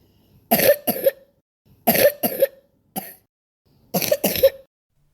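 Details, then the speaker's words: Example recording of a chronic wet cough, used to help parents recognise wet cough: three bouts of loose, rattly coughs, mostly paired, five coughs in all. "So, if you can play that audio to parents, then it really is um quite a helpful tool to GPS. Yes. And here is the recording of a chronic wet cough."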